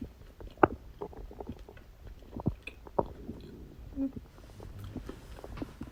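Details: Stomach growling (borborygmi) recorded on a birthday: quiet, irregular gurgles and short low rumbles, with soft clicks and room noise.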